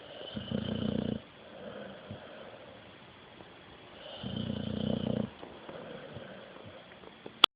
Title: My snoring pup